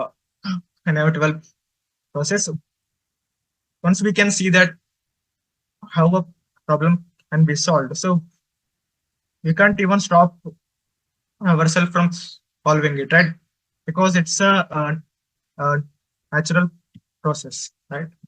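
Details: Adult male presenter from an Indian stammering association who stutters, reporting speaking difficulty, especially with different people, and blocks while speaking; stuttering.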